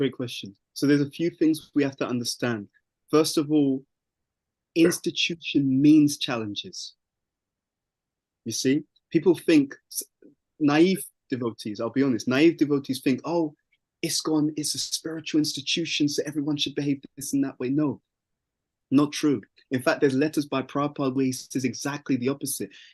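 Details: Adult male speaker; normal speech.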